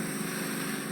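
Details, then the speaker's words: Endoscopic ear microsuction of a wax plug: loud steady hiss of air passing up the suction tube while lifting the plug from below, plug half blocking the tube with no flat seal yet. "there's still a slight hiss in that's the obviously the air passing up the suction tube as soon as you hear that stop then that's when you know there's a flat seal on the plug"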